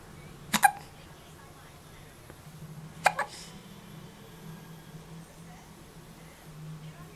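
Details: Infant playing on the floor gives two sharp, brief hiccups about two and a half seconds apart over a low room hum; hiccups.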